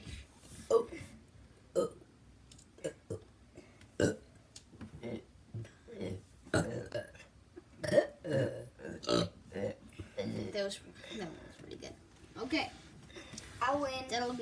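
Repeated loud, deep belches, some drawn out, with laughter and talk between them; burping.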